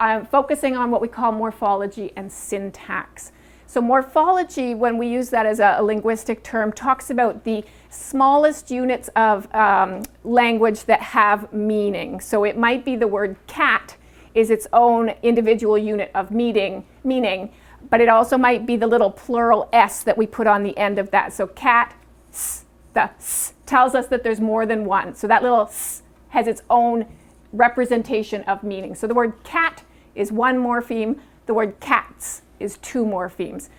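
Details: Adult woman speaking; normal fluent speech.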